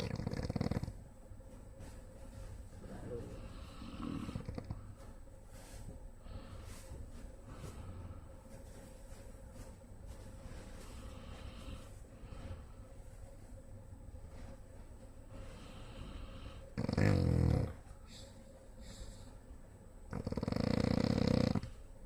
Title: An idiot snoring in public. His wife must be frustrated with him